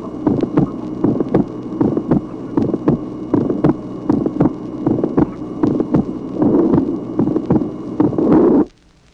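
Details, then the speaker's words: Heart sounds from a 1966 auscultation teaching record, tracing 7: regular rhythm near 78 a minute with several sharp clicks early in systole, attributed to abrupt blood entry into the aorta or a dilated pulmonary artery; early systolic ejection clicks. "Tracé numéro 7. Présence au début de la systole de plusieurs claquements qui sont dus à l'arrivée brusque du sang dans l'aorte ou dans l'artère pulmonaire dilatée."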